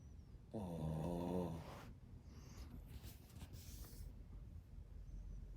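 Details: Sleeping dog snoring: one loud, rattling, low-pitched snore, then a quieter breath out over soft room noise.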